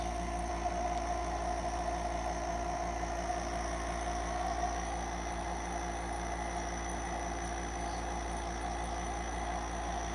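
Steady low motor hum with a constant buzzing drone throughout, the sound of a nebulizer compressor running.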